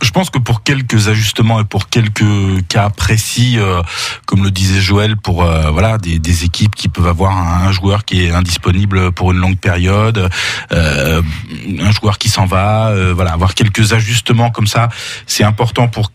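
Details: Adult male speaker; typical voice.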